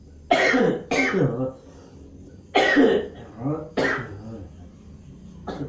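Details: Four harsh, loose coughs in two pairs with throaty rattling tails, then a fifth starting; wet, productive cough in a man with a week-long cough during back acupressure therapy.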